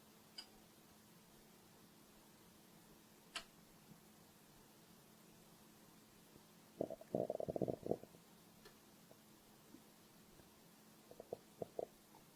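Quiet background broken by a low gurgling rumble and scattered bubbling pops; ordinary stomach growling from hunger.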